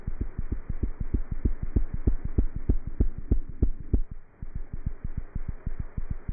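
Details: Cat heart sounds heard through a stethoscope: fast, steady paired thumps at about 190 beats a minute over a low hum.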